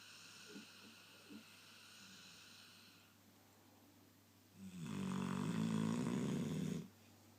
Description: My dog Diesel lying across my leg snoring really loud while he is wide awake.